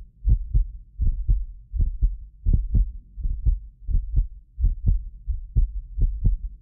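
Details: Heartbeat of a self-described medically fit person, recorded with several precision contact microphones: clear steady lub-dub at about 83 a minute with no added sounds. Normal heart sounds.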